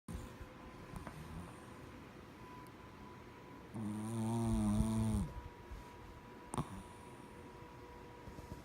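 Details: Oreo, very tired and asleep, gives one loud, buzzing, tonal snore over a quiet room with a steady background hum; snoring during sleep.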